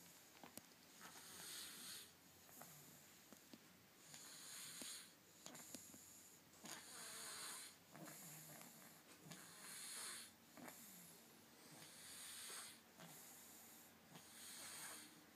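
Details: Quiet snoring during sleep: soft, hissy breathing rising and falling about 23 times a minute with rough, irregular snore sounds.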